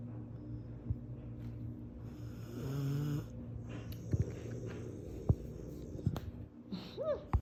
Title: Guess who’s finally 1 year old!? My Apollo! ❤️ & still snoring 🥴 #corso #canecorso #puppy #mastiff